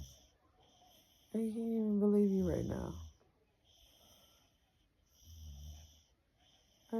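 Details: American Bully puppy snoring in sleep: a loud, drawn-out whistling, rattling snore, then a softer snorting breath in a quiet room.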